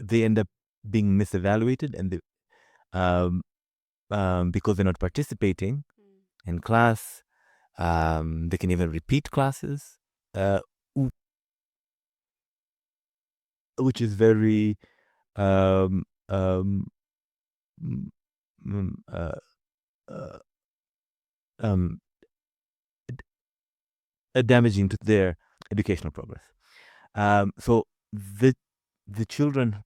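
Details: Adult man from Zanzibar who stutters; stuttering.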